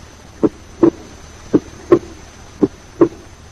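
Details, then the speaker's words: Physiological splitting of S2: A2 and P2 split on inspiration but lie 20 ms or less apart during expiration, fusing into a single sound; inspiration and expiration alternate. "During expiration, A2 and P2 are 20 milliseconds or less apart, and hence the split is not appreciated by human ears. That is, A2 and P2 fuse into a single sound during expiration."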